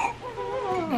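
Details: A brief, rising and falling wail from a newborn girl just after vaginal delivery at 39 weeks or later; a normal first cry.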